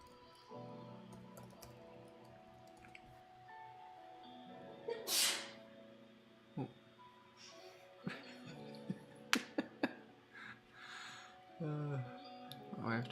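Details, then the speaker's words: A single sharp, hissing sneeze from an adult during a coding session, heard over soft background music in a small room. "just sneezed hopefully you guys could hear that all right"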